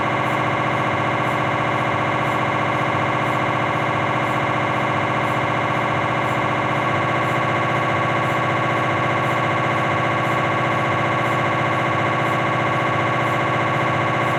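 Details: MRI scanner noise from a Philips 1.5T cervical spine scan: a loud continuous buzzing drone with a rapid repeating pulse and a faint beat about once a second, during a T1-weighted sequence.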